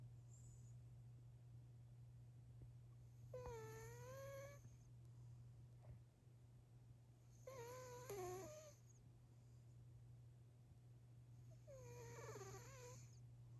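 High, squeaky whistling snore with each breath, about 15 breaths a minute, over a steady low room hum; a sleeping cat snoring.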